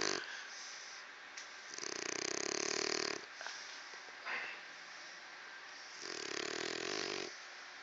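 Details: Pet snoring: slow, raspy snoring breaths, about two cycles in eight seconds, with a quiet fluttering snort between them.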